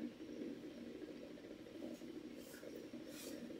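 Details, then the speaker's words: Quiet, steady crackling buzz from a needle EMG speaker as a volunteer gently extends her fingers, right extensor digitorum: low-level voluntary activation. "if we ask her to activate her muscles by extending her fingers we can see an increase in the electrical activity on our screen"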